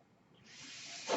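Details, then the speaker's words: Soft hiss of air building steadily and ending in a louder rush, a ventilator delivering a breath during a podcast introduction; the speaker says the noise is from his ventilator; real recording. "hello everyone my name is that noise hearing is by ventilator and welcome to page turners"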